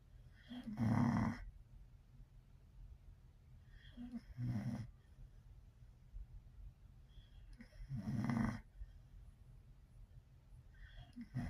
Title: June 21, 2024:SKY SNORES Tri-Color Pocket Bully wait for it